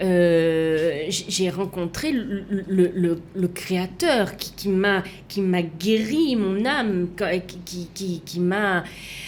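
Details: Aphasia in a woman after an accident, coma and defibrillation, with right-sided hemiplegia; a language disorder with years of difficulty placing the tongue, after 7 years of relearning to walk and speak.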